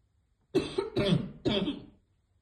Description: Girl trying to hit vape but always fail and choke on it which cause hard coughing